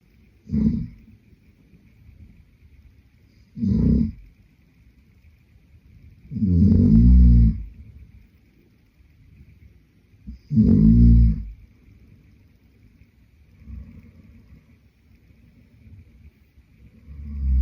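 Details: Sleeping adult man: loud, rough snores every three to four seconds, about 16 a minute, some stronger and longer, with quiet between; snoring.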